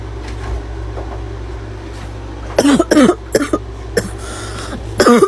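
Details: Girl with about five harsh, voiced coughs in a short bout with a hoarse barking edge, over steady low engine hum, saying it hurts: barking cough.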